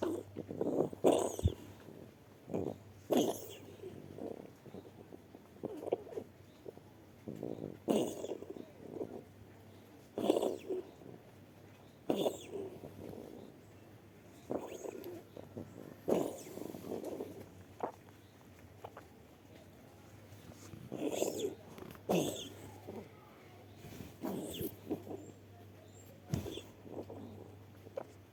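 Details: A cat breathes rapidly after a coughing fit, about 39 breaths a minute, in short, regular, noisy puffs: tachypnea.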